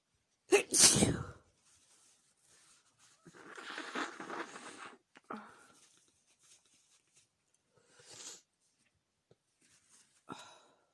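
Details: Sneezing induced by chhinkni sneezing powder in the nose: one loud explosive sneeze followed by a few softer snorts and sniffs.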